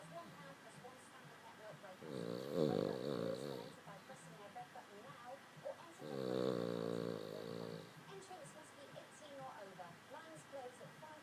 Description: this is snoring and he can go louder than this